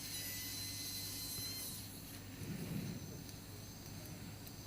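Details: Cadaveric TONES dissection, with irrigation and suction: high-pitched drill whine over a low hum, then quiet room noise, as the drill extends inferiorly on bone after too superior a start near the frontal sinus.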